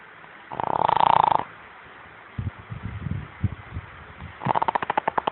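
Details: Sleeping dog snoring: a buzzing, fluttering snore on one breath, quieter snuffling sounds, then another rattling snore.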